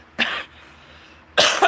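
Two separate harsh cough bursts from an adult, the second followed by a quick extra burst; an ordinary cough.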